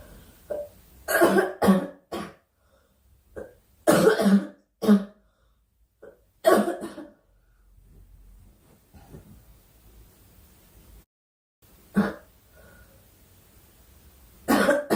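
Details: Repeated bouts of coughing and throat clearing from a girl, several coughs in quick runs with faint background sound between: coughing.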